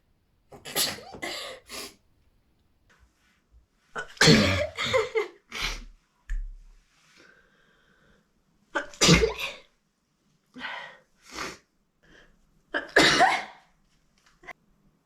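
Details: Supercut of repeated sneezes: forceful sneezes in clusters with short pauses between, a run of sneezing fits.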